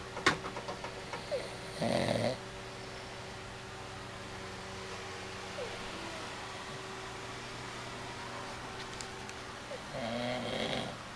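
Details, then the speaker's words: Man snoring at night: a few rough, rattling snores separated by long pauses, against a steady room hum. Ordinary snoring. "And that was how he snores."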